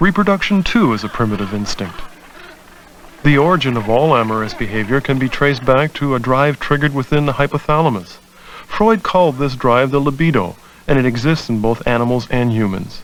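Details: Adult male narrator; ordinary speech.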